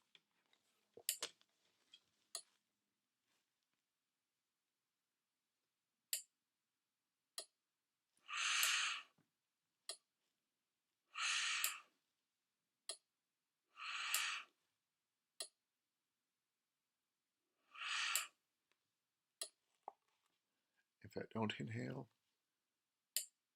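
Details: Prototype open-source ventilator (stripped down, pressure sensor on BVM mask, not pumping air) cycling breaths: four roughly one-second mechanical whooshes with clicks at uneven gaps, inspiration triggered early by the user inhaling; patient-triggered breath cycling.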